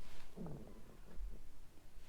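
A low, gurgling rumble with a brief sliding groan, typical of ordinary stomach rumbling (borborygmi), heard over faint room noise.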